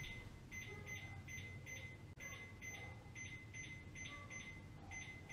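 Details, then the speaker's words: Atrial fibrillation: cardiac monitor beeps at uneven, unpredictable intervals, around 120 a minute, the irregularly irregular rhythm that can be diagnosed by ear. "para que vocês Ouçam a irregularidade disso aí como eu costumo dizer o diagnóstico da fibrilação atrial é no ouvido"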